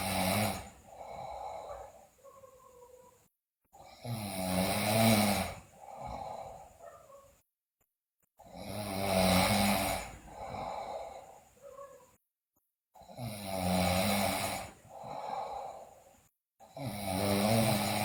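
Loud, rough snores about 13 a minute, each followed by a softer out-breath; faint music in the background. Heavy snoring in a sleeping child.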